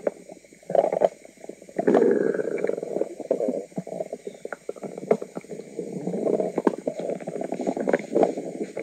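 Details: A woman's noisy stomach rumbling: continuous low gurgling and rumbling with bubbling pops and squeaks, normal bowel sounds from gas and fluid moving through the gut.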